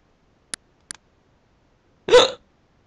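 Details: Two faint sharp clicks, then a short voiced gulping hiccup while the person is talking; hiccups.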